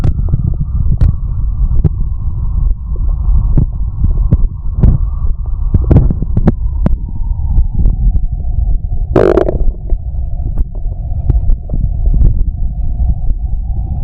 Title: the sound heartbeat and stomach growling